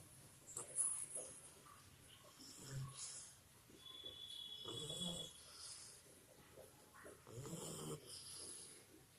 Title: 2 Month Old Labrador Puppy Snoring Like Human II Rio